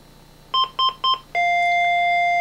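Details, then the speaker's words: Three short repeated electronic beeps then a sustained steady alarm tone: Lifepak 15 apnea alarm after capnography was removed from the presenter's face, flatline over 30 seconds, in a demonstration. "as you see we have an alarm apnea it's counting for you how long pass 30 seconds"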